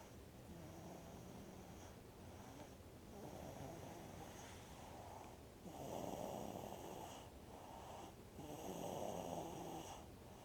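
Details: Gentle snoring: soft, rhythmic snores about every three seconds, roughly 20 breaths a minute, some louder than others.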